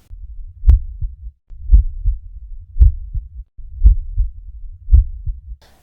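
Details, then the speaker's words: Normal heart sounds heard by stethoscope auscultation in a veterinary explanation of heart murmurs in dogs and cats: regular valve-closure lub-dub at about 57 beats per minute, no added sounds or murmur. "lorsque le coeur fonctionne normalement à l'auscultation donc avec le stéthoscope on va pouvoir entendre les bruits de fermeture régulier de ces valses"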